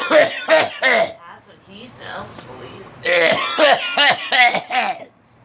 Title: Me coughing